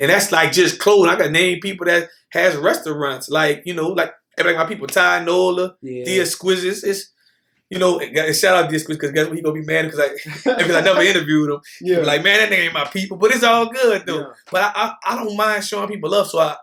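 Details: Adult man with lifelong stuttering, could not get words out until age 18, still ongoing; stutters around people he is comfortable with; repetitions heard. Stuttering.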